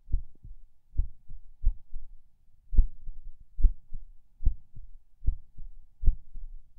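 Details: Person lying in bed falling asleep, feeling every beat and skip; heartbeat about 73 a minute, uneven rhythm with occasional soft skipped beats, unsure if PACs; distinct split S2 noted.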